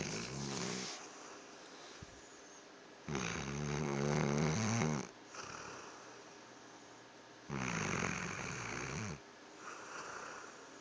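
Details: Voices in a burping contest: several low, drawn-out deliberate belches mixed with laughter and chatter.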